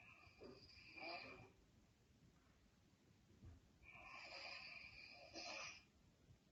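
Quiet, hissy breathing noises repeat during sleep, with rough fluttering sounds on some breaths; this is snoring.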